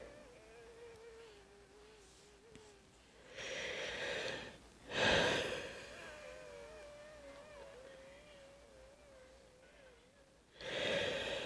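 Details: Person with loss of voice, as they sound at night: long, musical, wavering whistles with slow breaths between noisy airy inhalations; audible wheezing.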